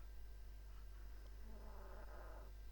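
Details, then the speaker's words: Tiny pet dog snoring in the background: quiet, low, rough fluttering breath noise over room hum, with one louder drawn-out snore near the end; snoring. "Oh no, I've just realized the dog's snoring. You can probably hear her in the background. Yeah, for such a tiny little dog, she snores like a bear."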